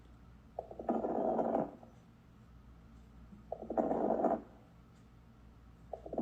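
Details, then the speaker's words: Recorded breath sounds with bursts of popping, rice-crispy-like crackling on each breath; crackles (rales) from fluid in the small airways and alveoli, as in pulmonary edema, CHF or pneumonia, not clearing with cough. "like so it almost sounds like like a popping sound um kind of a rice crispy sound however you want to describe it but always remember crackles do not clear with a cough they are caused by fluid that is collected in the small Airways the alvioli"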